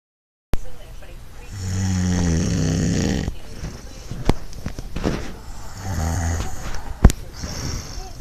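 Low, rumbling, fluttering breaths with bumps and clicks in between; adult snoring.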